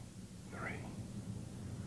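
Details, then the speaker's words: Normal whispered voice sounds over the posterior thorax with stethoscope diaphragm as the patient whispers one, two, three: not louder or clearer than normal, no whispered pectoriloquy. "this time would you whisper 1 two three please finally ask the patient to whisper 1 2"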